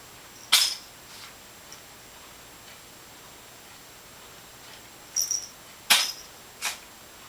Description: My Cat Zelda having a sneezing fit!